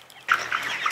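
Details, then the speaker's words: Brief rough, gurgling vocalization from a chicken on a farm with mass deaths during a heatwave; a veterinarian hears a phlegm-like respiratory rattle suggesting airway inflammation or phlegm, cause unconfirmed pending necropsy. "지금 호흡기가 약간 이 약들 고기 소리가 푹 소리 들리시나요 아 목에 가래 끓는 듯한 끄 소리 되게 있을텐데"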